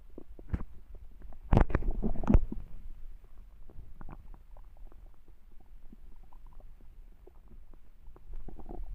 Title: A hungry stomach growls